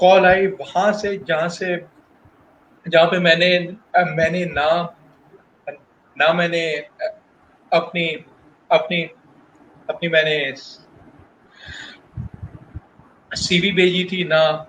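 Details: Adult male professional who stutters, speaking Hindi/Urdu about his job search; stuttering.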